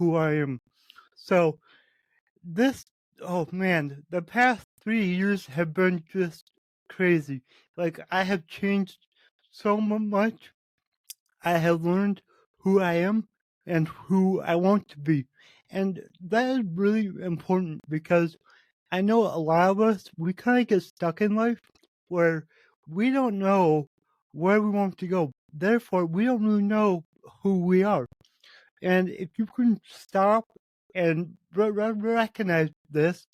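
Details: Adult man with cerebral palsy, which he says affects every muscle in his body; he reports his speech is much better than 8 months ago and improving as his health improves; dysarthria from cerebral palsy.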